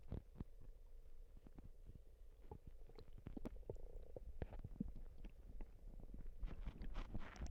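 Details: Stomach noises: quiet low gurgles, clicks and a brief drawn-out groan from the belly; ordinary bowel sounds (borborygmi).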